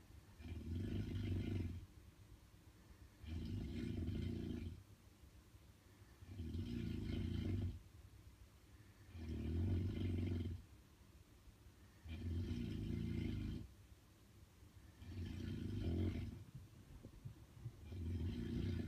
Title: The loudest snoring in the world